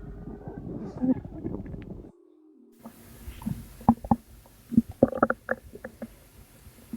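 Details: Postpartum woman making belly sounds she attributes to postpartum water weight, recorded at 2am: low gurgling and bubbling pops with brief squeaks from gas and fluid; active bowel sounds.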